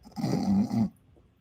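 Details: One low, rumbling snore lasting under a second from a sleeping small dog, likely one of two Chinese cresteds on the couch, then quiet room noise; ordinary snoring.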